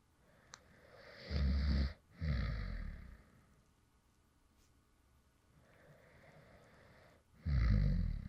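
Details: A few low, rumbling snoring breaths with softer breathing between, in a quiet room, recorded from a male creator who fell asleep while recording a previous video; real light snoring.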